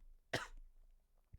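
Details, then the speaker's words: A single short, sharp dry cough over faint room noise from an adult who reports being ill and congested. "Don't bless me every time I cough."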